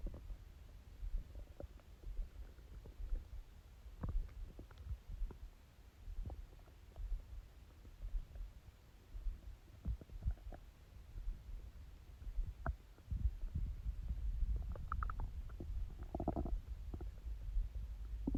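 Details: Low gurgling rumbles and irregular clicks of an adult's stomach growling; normal bowel sounds.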